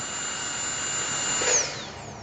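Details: Dental unit demonstration: a foot-pedal-driven handpiece running with water spray while the spray control is adjusted from a straight to a widened stream; a high-pitched steady whine with hissing water, rising briefly as the spray widens; normal running.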